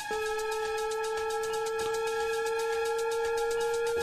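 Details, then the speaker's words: Defibtech Lifeline DDU-100 AED demonstration: prompts "apply pads, analyzing heart rhythm, do not touch the patient, shock advised, charging, stand clear," then a steady high charging tone rising slightly and rapid beeping as the shock button flashes ready. "apply pads analyzing heart rhythm do not touch the patient shock advised charging stand"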